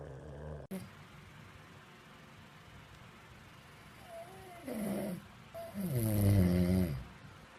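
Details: Adult man, a model and father of two, nasal snoring during a 2011 Brazilian reality show: quiet room noise, then a short nasal snort and a longer low, rattling nasal snore on the in-breath.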